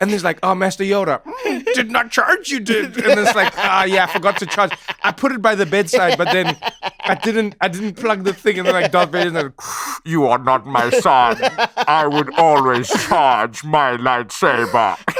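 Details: Adult man speaking; typical speech.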